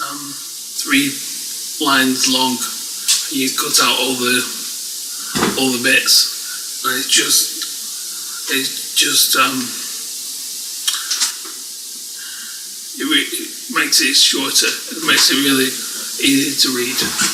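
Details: Adult speaker; aphasia.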